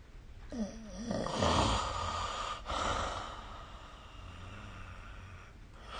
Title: 🐽 Snoring Sleep Sound